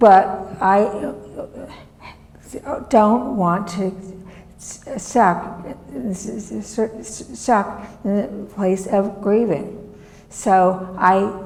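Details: Adult woman, former professor, with non-fluent aphasia from a severe stroke in 2010 that left her right side disabled and took her speech; she relearned making sounds and still cannot speak as before; non-fluent aphasia.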